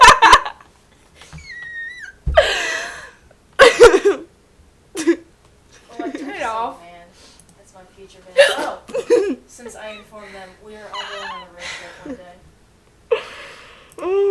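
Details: Woman with hiccups while talking and laughing: sudden sharp gulping catches break up the talk and laughter several times over about 14 seconds.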